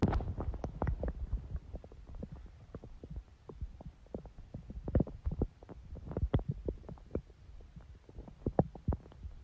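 Low gurgles and irregular soft pops and bubbling throughout, typical of stomach growling, a normal sound of gas and fluid moving through the gut.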